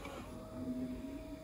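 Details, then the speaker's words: Improvised "raft pump" cam-driven emergency ventilator compressing a bag-valve-mask, running at 12 breaths per minute before the voltage is increased: low steady motor hum with a faint tone; clip too short to count breaths. "Anyway, so this is running at 12 breaths per minute, and so now we'll increase the voltage."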